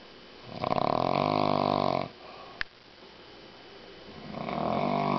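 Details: Loud, drawn-out, fluttering snores with a rough buzzing tone, a pause, then another rising snore; unusually heavy snoring.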